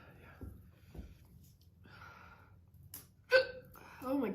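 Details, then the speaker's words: Two soft, abrupt hiccups, then a sharper gasp-like hiccup and brief voice, against room noise; a girl's hiccups after eating hot pepper powder, following a coughing fit. "yeah I think I just have the hiccups now great"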